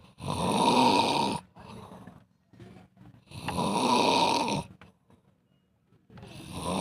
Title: Suara ngorok terpanjang sedunia